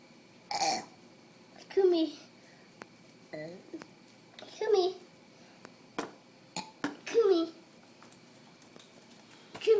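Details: Child eating shrimp and burping: several short, low, throaty bursts repeated over about ten seconds in a quiet room.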